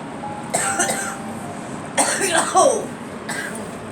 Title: Girl coughing